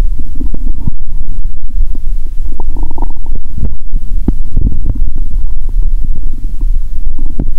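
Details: Adult woman eating her last Mentos with cola, stethoscope on abdomen, full with painful belly: steady low rumbling with scattered gurgles and pops; active bowel sounds.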